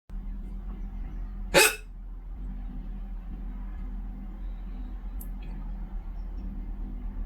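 One sharp, abrupt hiccup stands out over a steady low room hum, with a fainter click later. A single hiccup.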